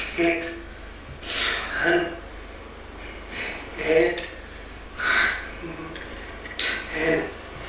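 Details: Abductor spasmodic dysphonia in a patient counting, with a breathy voice from abductor spasms and flaring of the alae nasi.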